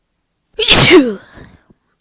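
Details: One loud, explosive sneeze with a sharp burst of air and a brief falling vocal tail, from a person with a stubborn stuffy nose.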